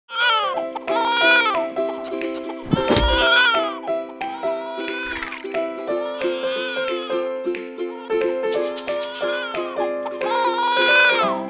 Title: Baby Crying for Milk & Dirty Diaper | Music 1 | Portrait | Mother Life Simulator Game